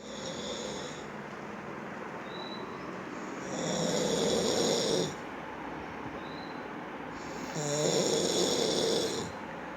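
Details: Snoring: rattling snores roughly every four seconds over a steady background hiss, with softer breaths between them.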